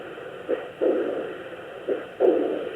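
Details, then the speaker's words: Turtle at an aquarium vet exam, heart heard via Doppler device with gel instead of stethoscope: slow, paired whooshing pulses about 43 a minute; strong, normal heartbeat. "a great strong heartbeat. >> Yep. Sounds pretty strong to me."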